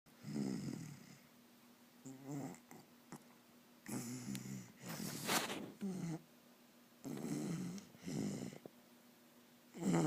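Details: Dog Dalia snoring while sick: irregular snorting, rattling breaths with whistling nasal sounds, several per ten seconds.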